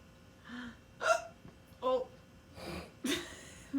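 Five short, abrupt voiced catches at irregular intervals over about four seconds, in a quiet room; hiccups.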